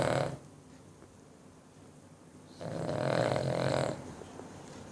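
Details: A 9-year-old Cavalier King Charles Spaniel gives a loud, rattling, drawn-out snore on a breath in, following the tail of another; heavy snoring.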